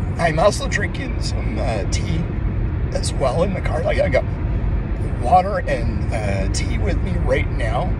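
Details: Adult man whose voice disorder is labeled spasmodic dysphonia, though he calls it muscle tension dysphonia; he says something tightens when he tries to speak and he gets more tense with stress; spasmodic dysphonia.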